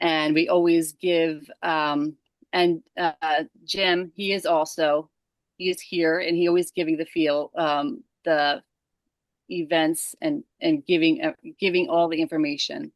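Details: Aphasia in a woman after a stroke at age 37 caused by moyamoya disease, with onset December 2022 during sleep and her left side affected first.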